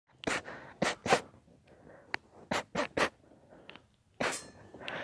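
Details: A run of about seven short, explosive sneezes close together with brief gaps and snuffly breaths; sneezing fit.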